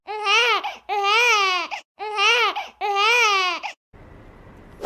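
Four loud, rhythmic, high-pitched infant wails in quick succession, each rising and falling, then a soft hiss of room noise; a typical hunger cry.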